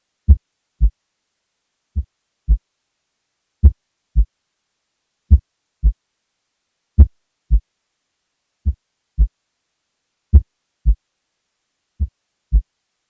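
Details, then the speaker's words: Variable-intensity first heart sound in a patient with complete heart block and AV dissociation. The heartbeat is slow and regular at about 37 per minute, and S1 loudness changes from beat to beat. "This can be caused by AV dissociation, where a variable relationship between LV and LA pressures, leads to variable speeds of mitral valve closure. Here's a recording from a patient in complete heart block, and its associated AV dissociation."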